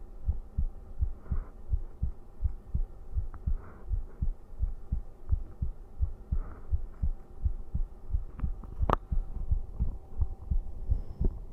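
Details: Livestreamer's own heartbeat played for ASMR-style listening during a late-night stream: regular soft low thumps at about 86 beats a minute with faint room hum; a normal heartbeat.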